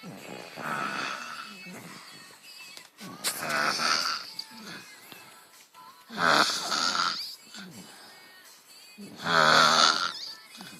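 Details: Snoring during sleep, described as "like mother like son": loud, rough snores recurring about every three seconds, some with a whistling edge.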